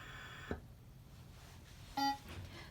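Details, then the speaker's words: A click, then a short electronic prompt tone from a Servo-i ventilator during its pre-use check as it switches to the battery switch test; ventilator prompt beep. "so once it switches over to the battery switch test there's gonna be a little prompt that's going to come up on the screen so i'll show you what you'll have to do for that as well"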